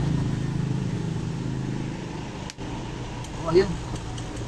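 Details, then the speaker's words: Medical suction machine after power switch replacement, lamp lit on plugging in: low steady motor drone as it builds pressure, working properly; brief background noises. "pagsaksak na ilaw na pagka nagkakaroon ng pressure Ibig sabihin maganda Okay yan gumagana ng maayos"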